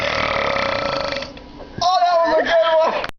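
A loud, drawn-out voiced burp lasting over a second. Ordinary belching.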